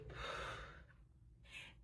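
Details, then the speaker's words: Imitated agonal breath in a CPR training demonstration: a single sharp, noisy gasping intake of air followed by quiet; with no other signs of life, treated as cardiac arrest, which it precedes. "if there are no signs of life and the person lets out air you are to assume that this person's in Cardiac Arrest because an agonal breath is a precursor to cardiac arrest"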